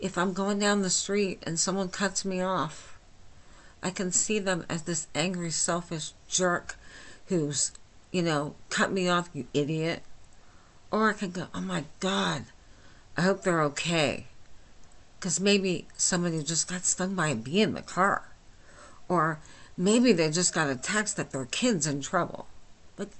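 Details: Adult woman with myasthenia gravis since age 8, with lifelong swallowing and talking problems and double vision, speaking without her usual speech appliance: hypernasal speech (flaccid dysarthria)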